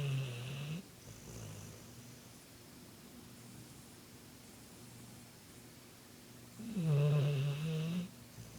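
Two deep, rumbling snores several seconds apart, with quiet breathing in between.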